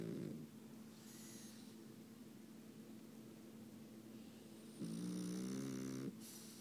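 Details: Two low snoring sounds, one brief and one longer, against steady background hum from a sleeping French bulldog; snoring.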